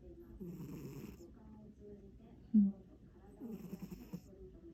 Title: 2022史諾_愛睏貓 Sleepy cat_snoring